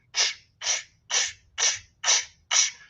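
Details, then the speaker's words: Spoken imitation of a heart murmur: six rhythmic 'shh' hisses covering all of systole, illustrating myxomatous mitral valve disease; holosystolic murmur (mitral regurgitation). "O sopro holossistólico. Holo quer dizer que ocupa toda a extensão da sístole."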